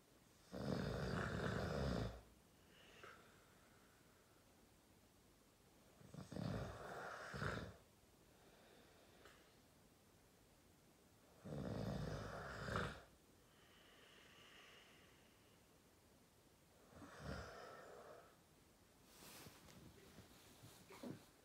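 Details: Sleeping boyfriend snoring: loud rattling snores on each in-breath, about four in twenty seconds, with quiet gaps between. Ordinary snoring.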